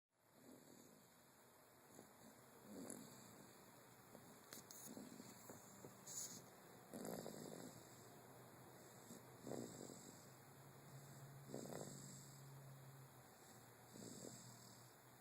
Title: Snoring Charlie bear